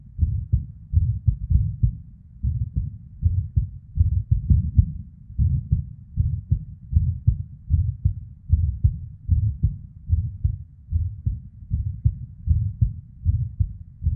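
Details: Female heartbeat recorded as inside heart sounds: low thumping near 76 a minute, unevenly spaced, occasional early beats (PVCs/ectopics) and soft whooshing blood-flow murmur: irregular heartbeat with premature ventricular contractions and murmur.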